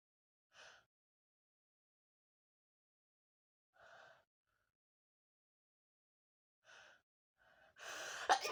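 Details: Several quiet gasping intakes spaced seconds apart, then one loud, explosive sneeze, in someone with allergy.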